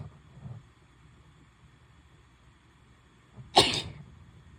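A quiet intake of breath followed by one sharp, explosive sneeze in a quiet room.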